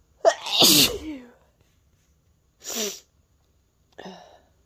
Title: A few short sneezes